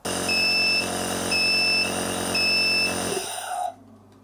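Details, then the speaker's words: Compressor nebulizer inhaler (Amrus) used for cough treatment: steady motor hum with three evenly spaced beeps at the end of the set five-minute inhalation time, then the motor stops; end-of-treatment signal. "перед окончанием процедуры согласно установленному нами времени у нас это пять минут машинка подает звуковые сигналы чтобы мы поняли что ингаляция закончена"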